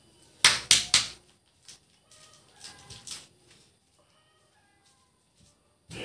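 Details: Patient with persistent dry cough and shortness of breath, improving during acupressure nerve treatment: three short, sharp coughs in quick succession, then quiet; dry cough.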